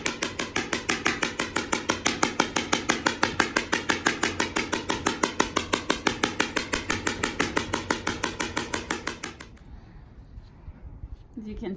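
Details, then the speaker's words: Extracorporeal shock wave therapy on a lightly sedated mare's healing skull fracture, probably from a kick, 500 shocks to a small area; loud sharp snapping pulses two per second for about nine seconds, then stopping. "once we start the treatment it's pretty noisy the treatment is based on number of shocks typically horses get a thousand to 1,500 shocks"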